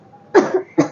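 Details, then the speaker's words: Acted cough in a comedy skit: two short coughs from an adult woman complaining of a bad cough, the first with a trailing rasp, in a small room. "Mummy जी बहू मुझे ना बहुत ज्यादा खासी हो रही है"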